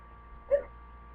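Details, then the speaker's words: A single short, abrupt voiced gulp over a quiet room: a hiccup from a person annoyed by ongoing hiccups. "God, these hiccups are annoying. I hate hiccups."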